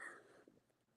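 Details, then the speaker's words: Adult with a possible cold during a conversation: after silence, a single short, abrupt cough that fades quickly. "so sorry I think I'm getting a little cold but anyways"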